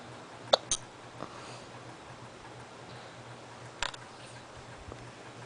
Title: Hiccups Again